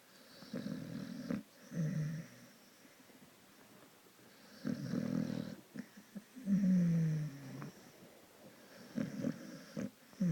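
Repeated rough, fluttering snores with whistling snorts in a quiet room. A dog snoring in sleep.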